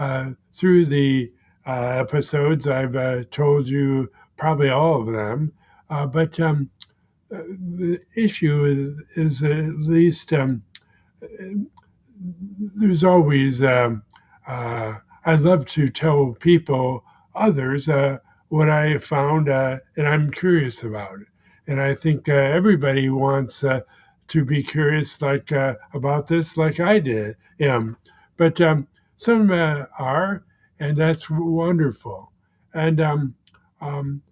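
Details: Man with expressive aphasia after a first stroke that damaged his speech center; a second stroke impaired right-side motor function; about 16 years post-stroke; expressive aphasia.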